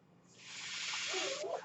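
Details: Airy hiss rising for about a second, then cut off as a brief voiced sound begins: a mechanical ventilator breath cycle from the podcast speaker's own ventilator, heard during speech.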